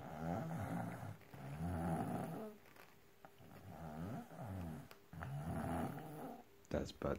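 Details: Young child, described as 5 years old (also said to be 4), snoring heavily: loud, rough, fluttering snores on breaths in, about a second each, with quiet gaps between.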